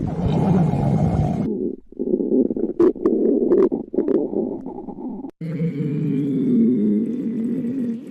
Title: Pan stomach growling 16